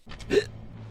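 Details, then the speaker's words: Adult male streamer with recurring hiccup bouts that return despite attempts to stop them: a single brief, sharp voiced hiccup over quiet room noise. "oh hiccups are going to kill me man I'm telling you sorry hiccups took a hold of me again things never change"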